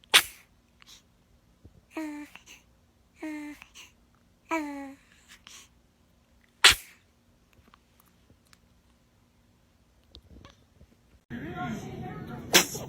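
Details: Infant sneezing: three sharp sneezes with brief soft baby vocal sounds between them, a normal reflex.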